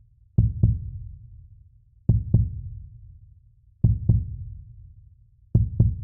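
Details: Heartbeat sounds, possibly recorded with a heart rate monitor: heartbeat.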